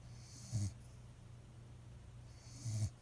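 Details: Sick dog snoring: two short, low snorting breaths about two seconds apart over a steady hum.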